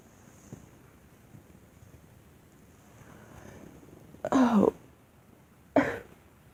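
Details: Girl producing a deliberate, voluntary acted cough: two short, dry coughs after a quiet stretch.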